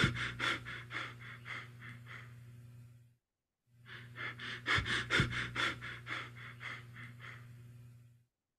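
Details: Simulated Cheyne-Stokes respiration in vital-signs teaching: breathing gradually increases then decreases in cycles with periods of apnea between.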